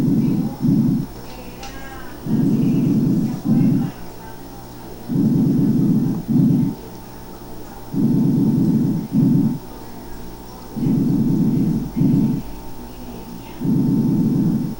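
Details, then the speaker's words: Soft, even, fine, low-pitched breath sounds at about 21 breaths a minute, contrasted with the harsher tracheal component: normal vesicular breathing. "lo ponemos de nuevo fíjense cómo un sonido más suave parejito fino"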